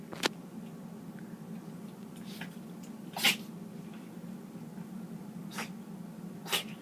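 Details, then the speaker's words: Dog sneezing: several short, sharp, hissing bursts over a steady low room hum, with someone talking to the dog between them; repeated sneezes. "got the sneezers? Huh? You got the sneezers? Aw. You got the sneezers?"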